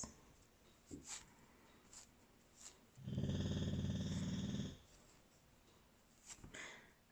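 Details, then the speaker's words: Dog lying under a table: loud snoring noise heard in the background. "if you can hear a loud snoring noise that's my dog he's laid under the table"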